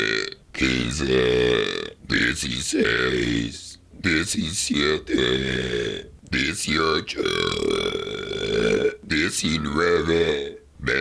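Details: Deliberate voluntary burping: long, loud, rumbling voiced belches shaped into counted numbers (counting in burps, attempting 1 to 100), one after another.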